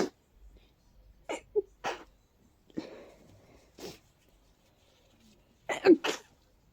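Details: Stuffy person with allergies acting up all day: several powerful, stifled, muffled sneezes with short breaths between, a sneezing fit.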